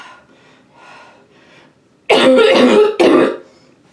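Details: Quick coughing fit in a bathroom, leaving eyes watering and gasping for air, with some spitting: faint sounds, then two loud harsh coughing bursts in a small echoey room.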